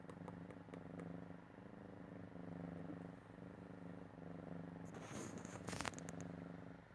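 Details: Snoring from a sleeping cat.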